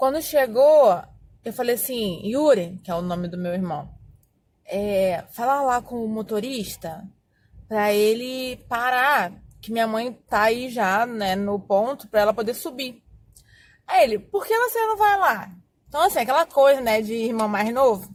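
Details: Adult woman who has stuttered for more than 20 years, speaking Portuguese; stuttering.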